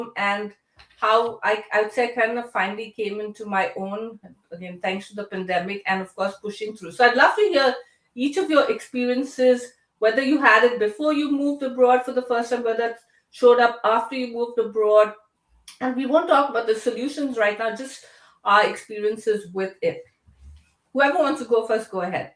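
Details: Adult woman speaking; normal speech.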